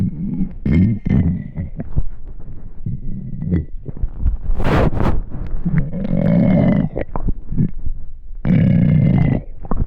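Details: Loud, irregular gurgling and rumbling from the belly of an extremely hungry stomach; ordinary bowel sounds (borborygmi).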